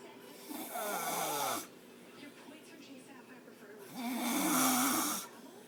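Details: Adult fiancé snoring: two loud, rough, rattling snores on breaths in, about three seconds apart, with quiet between.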